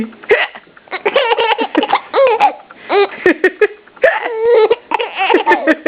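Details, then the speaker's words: A baby boy giggles in bursts, his first full giggle, with sudden sharp catches breaking in: hiccups interrupting laughing. "You poor thing, you have the hiccups too."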